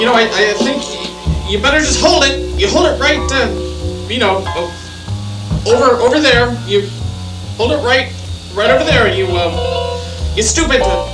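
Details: Male actor in a comedy parody playing a private eye whose halting, hesitant speech is called stammering; acted stammering, not real.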